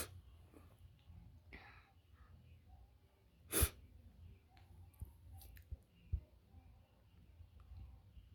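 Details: Sneeze: a single sharp, explosive burst against low rumbling background noise.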